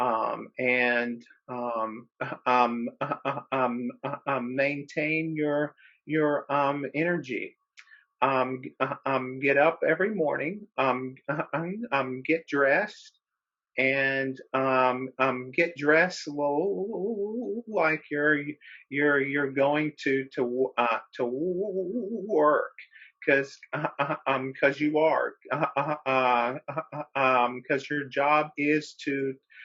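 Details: Real stuttering in a man who describes himself as a person who stutters, speaking as a webinar co-host; repetitions and filler interjections are heard; stuttering.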